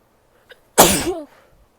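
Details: A female sneezes once, a quick in-breath followed by one loud, forceful sneeze ending in a short voiced tail. Sneezing.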